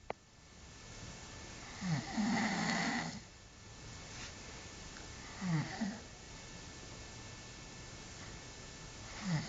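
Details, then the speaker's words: Loud, rough, rattling snoring during sleep, about 16 snores a minute with one loud, prolonged snore; the person recording complains the snoring keeps them awake. "No roncas bien eso que te aburrías y te rías del video del Frank estás en las mismas no me dejas dormir"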